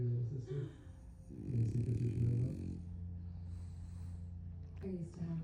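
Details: Sleeping French bulldog puppy snoring: low, rough, rumbling breathing noises over a steady background hum.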